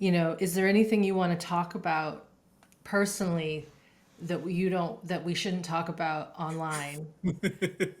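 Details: Adult woman speaking; typical voice.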